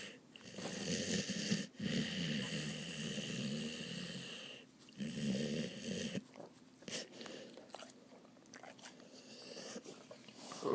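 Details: Awake dog snoring while resting his head on his owner's lap; rattling, snorting breaths in long noisy stretches.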